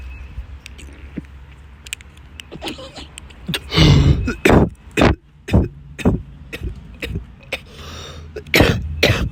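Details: Adult coughing after a hit from an oil vape: a run of about six harsh, forceful coughs with throat clearing.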